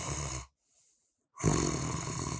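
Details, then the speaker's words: Simulated mild snoring from the soft palate and uvula sagging when lying on the back during sleep: low, fluttering rumbles on breathing with a brief quiet gap between them. "이 부위 에는 뼈 가 없기 때문 에 , 등 을 대고 누우면 이렇게 축 처지게 됩니다 . 지금 까지 는 그냥 가벼운 코골이일"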